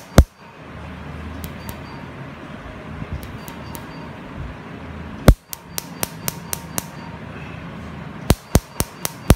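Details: Laser tattoo removal treatment, which causes slight stinging: sharp snapping clicks of laser pulses firing, single and in quick bursts, over a low room hum.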